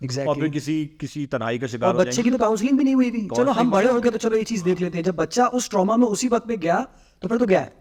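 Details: Adult male speaker; typical speech.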